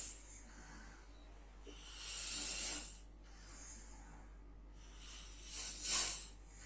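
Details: Person snoring during sleep: two rough, hissing breaths about three seconds apart over a low steady room hum.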